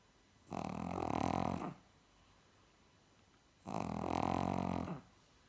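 Two long, rough, growly snores about three seconds apart from a sleeping flat-faced dog: loud snoring.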